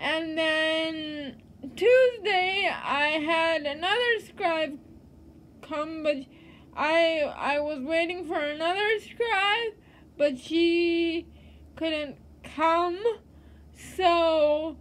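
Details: Adult woman living with cerebral palsy; dysarthria (cerebral palsy).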